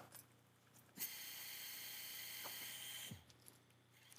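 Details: A steady high-pitched drill whine lasting about two seconds as a surgical pin is drilled through tibial bone for a meniscal root repair tunnel alongside an ACL tunnel, with quiet room sounds.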